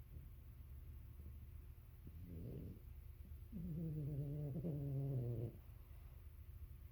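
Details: A sleeping dog called a 'Frenchy' snoring, just like dad: two loud, rattling, droning breaths, the second long and steady.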